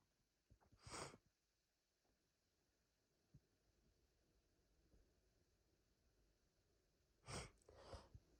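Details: Hitchy sneezing fit: three sneezes in a quiet room, the first single and the last two in quick succession, with catching breaths between.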